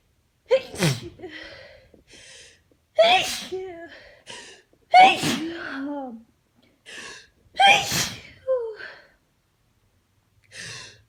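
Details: Repeated allergy sneezing despite taking antihistamines: four loud sneezes in a row, each with a sharp in-breath before the burst, in a quiet room.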